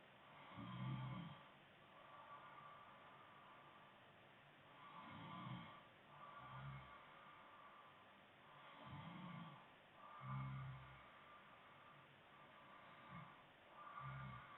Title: girlfriend snoring stream